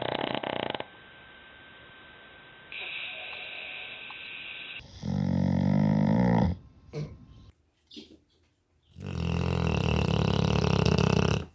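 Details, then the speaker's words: Dog snoring; the owner mentions the dog's sleep apnea mask. Loud, deep rumbling snores in separate bursts, with quieter background sections between them. "I love that my dog snores when I hear it I know she's close by plus I've gotten so many cute pictures of her and her sleep apnea mask"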